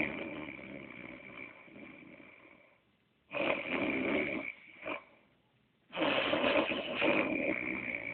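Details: Adult man (a child's father) snoring; loud, rough, rattling breath sounds in long bursts separated by quiet pauses.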